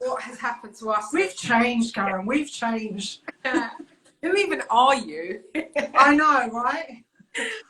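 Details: Adult woman speaking; typical voice.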